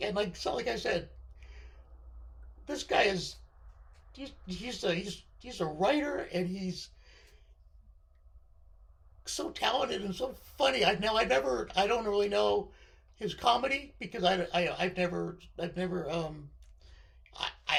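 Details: Male speaker with left-sided vocal cord paralysis following surgery, which limits his voice control; vocal cord paralysis.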